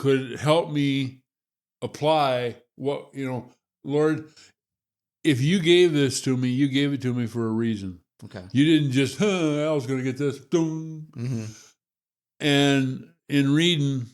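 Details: Adult man with Parkinson's disease; finding: hypokinetic dysarthria (Parkinson's disease).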